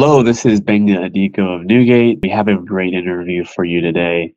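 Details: Adult male speaker; Normal speech.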